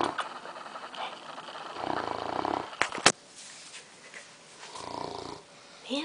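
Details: A sleeping English Mastiff, tired after a long day, snoring: two slow, fluttering, rumbling breaths over a noisy room background with a sharp click between them.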